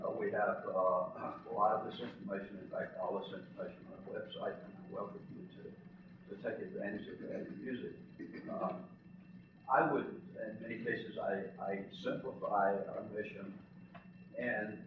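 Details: Adult man with spasmodic dysphonia, who counts himself among those living with the condition, speaking in real connected speech; spasmodic dysphonia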